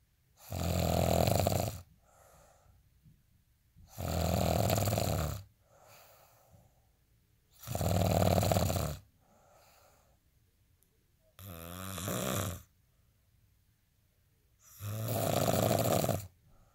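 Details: Heavy snoring: loud, rattling snores on each in-breath, about every 3.5 seconds (around 17 a minute), with soft out-breaths between.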